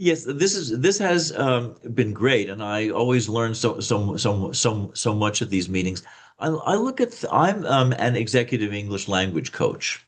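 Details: Adult man who reports a slight stutter; the clip has word repetitions consistent with stuttering.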